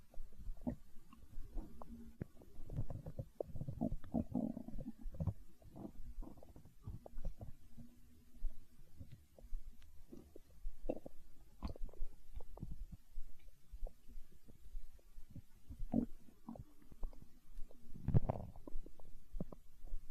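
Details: Stomach growling (borborygmi): low gurgles and rumbles that come and go throughout, typical of hunger.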